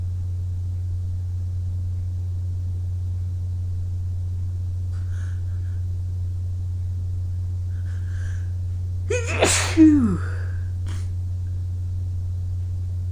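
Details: Loud sneeze preceded by a sharp intake, after a couple of soft nasal sniffs over a steady low hum; sneezes done after an early-morning run in cold air.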